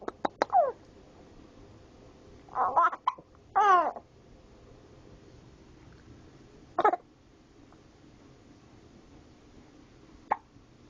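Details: 4-month-old infant with hiccups; burping did not help and he refused milk. Brief sharp voiced catches a few seconds apart with small fussing sounds between, in a quiet room.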